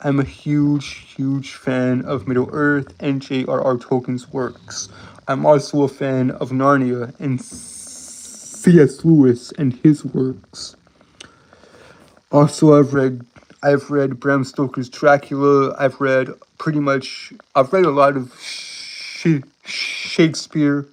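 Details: Self-reported speech impediment he says he cannot help, in a streamer; stuttering-type speech disfluency.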